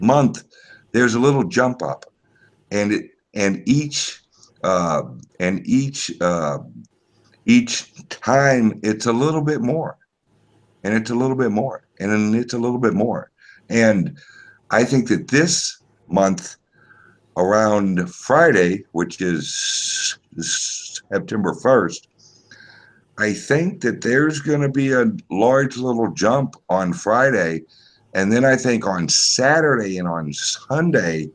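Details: Speech impediment (disfluent speech), type unspecified, self-reported by a male truck driver.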